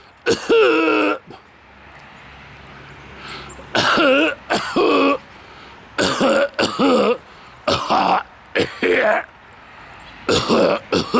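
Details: Adult coughing outdoors, attributed to a neighbor's outdoor wood furnace smoke less than 100 feet away: repeated voiced, harsh throat-clearing hacks and coughs in short bursts; cough and throat clearing.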